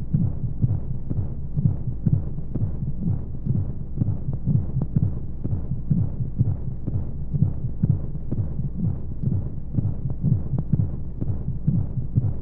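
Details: Womb-sound baby sleep aid: regular soft low heartbeat thuds near 125 a minute under a steady rushing white-noise hum; heartbeat as heard within the womb.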